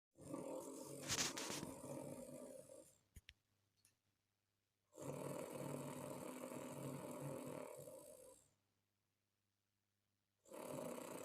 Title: Chinese Man Has Loudest Snore In The World